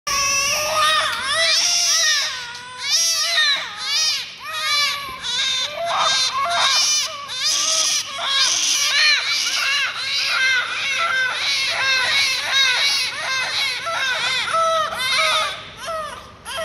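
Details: Newborn twins born to the same mother at the same time: continuous high-pitched wailing cries overlapping in bursts in a small room; vigorous newborn crying.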